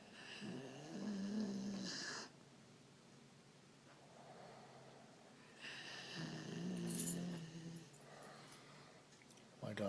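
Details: Dog snoring heavily in sleep: two long, rumbling snores with a buzzing tone on the in-breath, about five seconds apart, with quieter breathing between; snoring.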